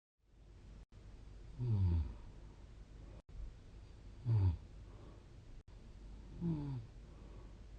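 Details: Three low, rattling snores roughly two and a half seconds apart over a steady background hiss; snoring, scored 47 by a snoring app.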